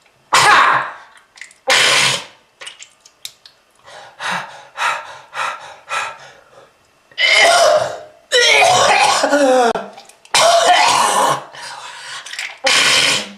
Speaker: that red color is not from fruit punch kids if you want this to happen to you just keep smoking this is lung disease